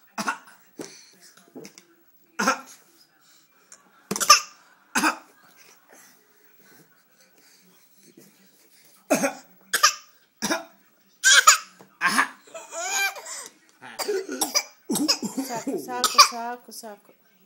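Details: Child coughing: repeated short coughs in bursts, mixed with breathy sounds and babbling, in a quiet room.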